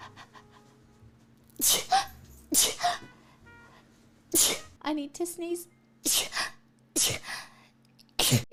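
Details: Adult who says they have been sneezing since a nasal swab and calls themself allergic: several sharp, forceful sneezes in a row with short gasps and vocal sounds between them, faint background hum; repeated sneezing.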